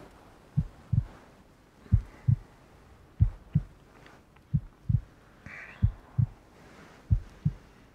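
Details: Normal heartbeat sound used in an ASMR recording with rain and thunderstorm ambience.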